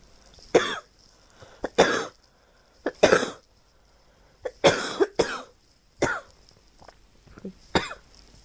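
About eight sharp, harsh coughs, some in quick pairs, with quiet gaps between them.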